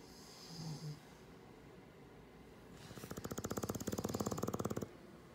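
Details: English Bulldog snoring during sleep; a loud, rapid, rattling, fluttering snore on each breath, lasting about two seconds.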